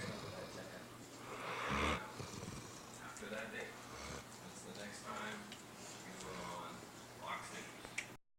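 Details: Great Dane napping: snorting, rumbling breaths, irregular in rhythm, with some room noise; snoring.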